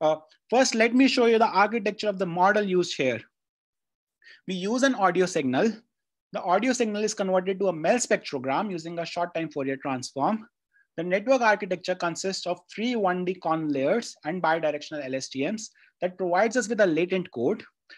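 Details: Adult speaker; normal speech.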